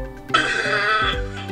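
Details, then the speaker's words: A single harsh cough from a nursing simulation mannequin, prompted on request during a nursing education simulation, heard over background music; simulated cough. "[Cathy VO] Change agents also gain experience in a simulation environment assessing, for example, (Juno coughs) the sounds of a cough."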